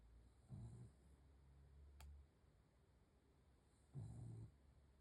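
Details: Snoring at night: two soft, low, rumbling snores about three and a half seconds apart in a quiet room; snoring.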